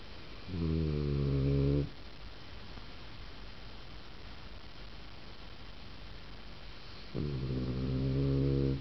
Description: chocolat snoring!!